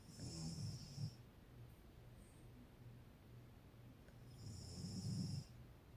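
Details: Adult woman (mother) snoring during sleep: two soft, low snoring breaths with a faint whistling edge, separated by quiet breathing.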